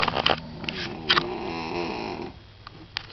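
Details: Grandmother snoring loudly at night in a hotel on vacation, described as sounding like a chainsaw: a single drawn-out, rattling, buzzy breath lasting about two seconds, with sniffs and faint room noise.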